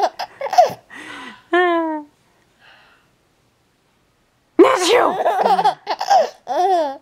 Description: He started laughing when I sneezed! how cool!?